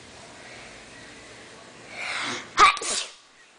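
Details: A single sneeze: a short breathy inhale, then a sharp explosive burst with a brief trailing sound; sneezing.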